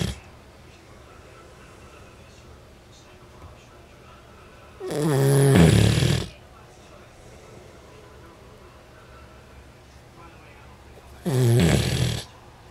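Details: Two loud, low, rumbling snores several seconds apart against a quiet room; ordinary snoring.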